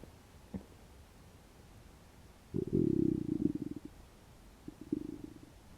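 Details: Hunger borborygmi after about 12 hours without eating: low gurgling, rumbling stomach growl with bubbly bursts from an empty stomach; ordinary hunger growling.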